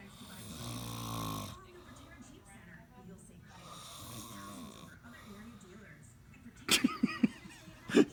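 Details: Adult furniture salesman asleep on the job snoring loudly with rough, buzzing breaths, followed by brief sharp sounds nearby.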